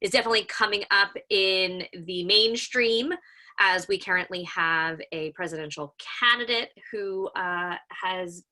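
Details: Adult who self-identifies as a person who stutters; stuttering.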